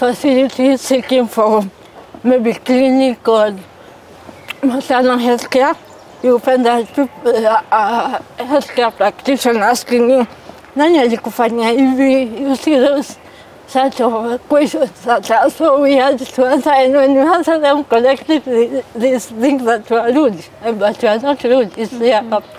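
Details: 33-year-old woman born with cerebral palsy; dysarthria in cerebral palsy.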